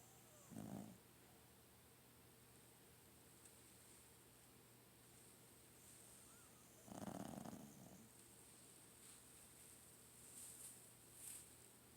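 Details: Snoring: two soft, low snoring breaths several seconds apart over steady room hum; quiet snoring.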